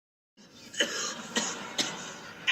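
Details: An actor coughing in a TV scene: three short, harsh coughs in quick succession; acted, not real, coughing.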